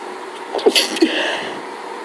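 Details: A single sharp, explosive sneeze with a quick indrawn breath before it, part of a hay fever allergy fit with sneezing every few seconds; sneeze.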